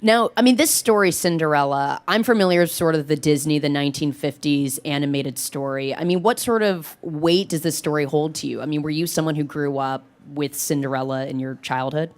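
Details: Adult male speaker; ordinary speech.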